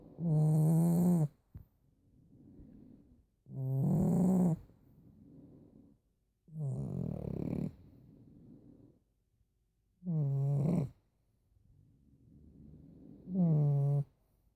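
Loud rattling snores on each breath in, about five in fifteen seconds, with softer breaths out between: snoring in a flat-faced dog.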